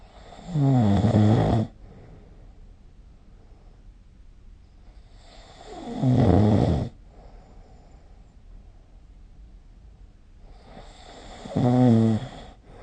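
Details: Three loud, deep, vibrating snores about 5 seconds apart, around 11 breaths a minute; ordinary heavy snoring recorded with the SnoreLab smartphone app.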